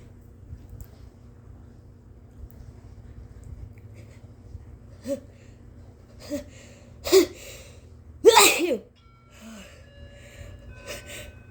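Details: Induced sneezes, very powerful and wet: several sneezes from small to one long forceful explosive sneeze, each preceded by a short inhaling gasp, in a quiet room.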